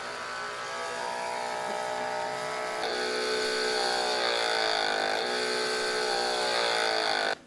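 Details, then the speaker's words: Loud, high motor whine with rhythmic pulsing about four cycles a second, then stopping; Medela Mini Electric breast pump running, suction knob two full turns from minimum toward maximum, demonstrated to show how loud it is. "so here I will show you how loud this system is and the section on here there is a start and a stop and a minimum and maximum you're going to have to figure out what strength you want to pump at right now I'm two full turns from minimum to maximum"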